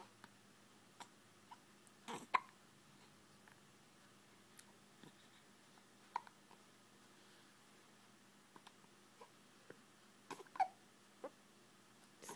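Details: Infant's hiccups: soft, brief catches repeating every second or two in a quiet room; a harmless normal event.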